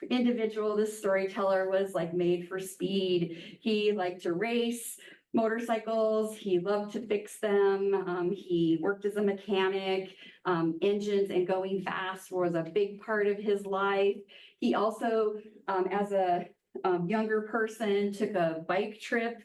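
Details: Adult woman, lecturer; Normal speech.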